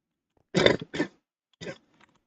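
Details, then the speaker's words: Three short, harsh cough bursts from an adult in a quiet room, the first strongest. "sorry about the coughing you're going to have to hear that a little bit"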